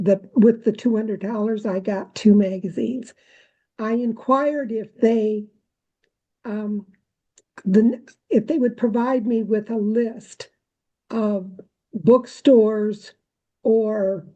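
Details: Adult woman speaking; normal speech.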